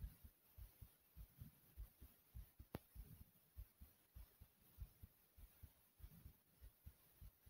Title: My Fast Pounding Heartbeat ❤❤❤❤